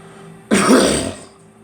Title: Me coughing